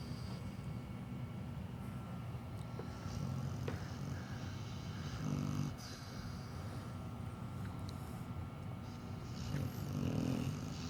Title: PIit bull snoring ;) 😍😍😍😍